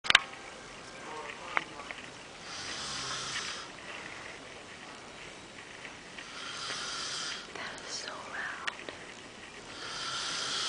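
Repeated hissing, airy breaths come in slow cycles of a few seconds each, a soft whistling snore during sleep.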